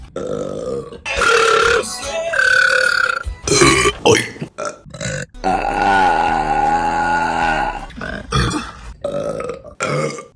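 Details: Compilation of deliberate female burps: loud, long, voiced belches one after another, some drawn out and tonal; forced burping rather than a medical sign.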